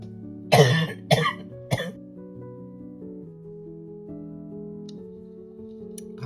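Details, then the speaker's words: Three short coughs in quick succession from an adult who reports ongoing trouble with asthma and more coughing recently, over soft background music; cough. "I've been having a lot of trouble with my asthma, so I may be coughing."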